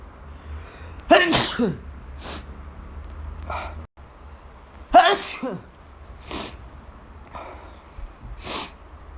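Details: Person sneezing in a quiet room: two loud, explosive sneezes, each followed by smaller breathy sounds.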